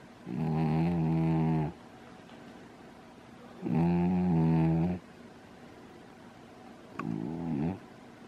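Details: Pet lying upside down in a crystal bowl, snoring loudly: three buzzing, droning breaths about every three seconds, roughly 19 a minute, separated by quiet exhalations in a quiet room; snoring.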